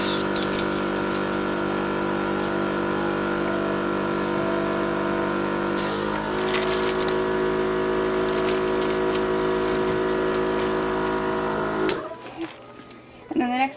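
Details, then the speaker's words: Steady motor hum of a suction machine for about twelve seconds, then cut off: tracheostomy suctioning of a child right after a scheduled trach change with a size 3.5 tracheostomy tube. "okay then I always like to do another section after trait change change my gloves here"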